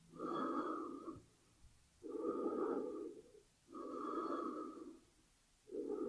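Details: Breathing sound effect, not a real patient, paired with lung X-ray imagery: slow, even breaths, about 16 cycles a minute, each inhale and exhale clearly audible.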